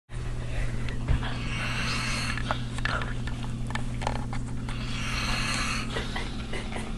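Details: Two long, rough, noisy snoring breaths a few seconds apart over a steady low hum and faint room sounds.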